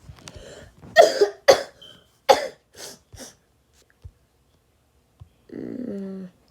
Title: I’m going to make my viewers a wallpaper / and I’m sorry I was coughing I was sick😓